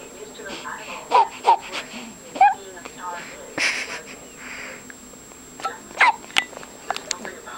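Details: Hiccups that keep returning: repeated short, sharp voiced hiccup sounds amid fussy whimpering and crying.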